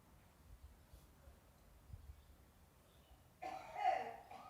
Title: Smoking Italian Grandma Coughing Again